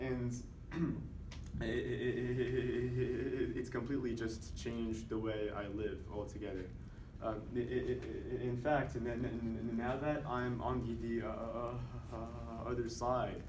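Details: Voluntary (deliberately faked) stuttering by a man who stutters, used during a presentation on stuttering as self-therapy and counted with a tally counter; stuttering (voluntary).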